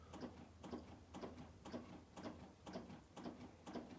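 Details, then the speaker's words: CPR training demonstration on a manikin at about 120 compressions per minute, the recommended rate: steady rhythmic thuds and creaks of chest compressions. "you want to compress at a rate of around about 120 compressions per minute it goes something like this"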